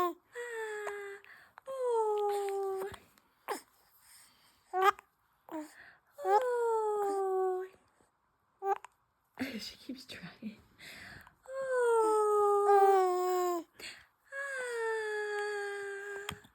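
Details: An infant with hiccups cries in repeated drawn-out, high-pitched wails with falling pitch, separated by short breaths and catches.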